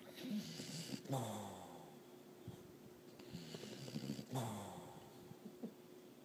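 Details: Beagle snoring while asleep on a bed: soft snorting snores repeating every few seconds in a quiet room.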